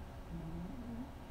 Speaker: I'm sorry if you can hear my little puppy here snoring her head off. She's curled up next to me, warm as toast.